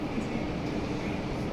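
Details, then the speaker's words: Fetal heartbeat on Doppler ultrasound at 12 weeks 2 days of pregnancy (due date September 25), steady rapid whooshing pulse; baby moving and reported well. "হার্টবিটও চলে আসছে heartbeat এটা বাচ্চা ঠিক আছে শুনতে পাচ্ছেন শব্দ শুনতে পাইছেন"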